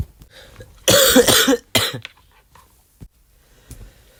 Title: my flu cough